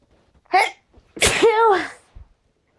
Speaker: Sneeze. Phew. I gotta sneeze. Phew.